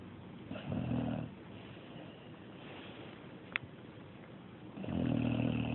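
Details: Two rough, low rattling snores separated by a quiet pause, with a brief click between them; snoring.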